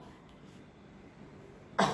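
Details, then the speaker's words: Child asked to demonstrate coughing into the elbow in a classroom lesson: quiet room, then one brief deliberate cough at the end; demonstration cough. "can you show all your friends how you're going to cough into your elbow?"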